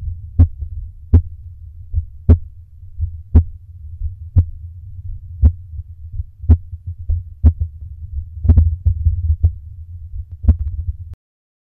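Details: Heartbeat recorded during exhale breath holds to slow it: slow, low thumps around 55 to 60 a minute; slow heartbeat (bradycardia) during breath holding.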